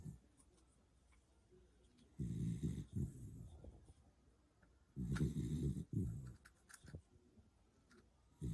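Two loud, low rattling snores about three seconds apart, with quiet breathing between.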